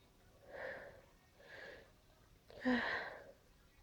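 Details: Allergy sneezing at the tail end of a sneezing fit: three sneezes in a row, the last the sharpest and loudest, in a quiet room.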